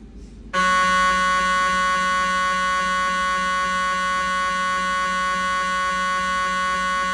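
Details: Siemens MAGNETOM Lumina 3 T MRI scanner during an abdominal diffusion-weighted sequence: a loud, steady buzzing tone that starts abruptly and holds.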